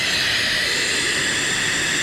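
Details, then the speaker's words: CPAP unit switched on with flow set to about 8–9 during a setup and application demonstration on a patient; the pressure dial should read about 5. Steady loud rushing hiss of continuous positive airway pressure airflow. "now I would turn my flow setting up to whatever I wanted that so I would turn it up to eight or nine so I'm just going to turn it on real quick so you guys can"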